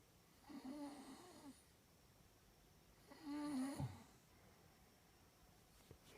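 Two loud, vibrating breath sounds separated by quiet pauses, with a rattling, tonal quality: snoring.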